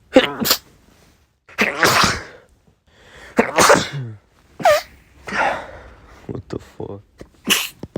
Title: sneeze compilation (m)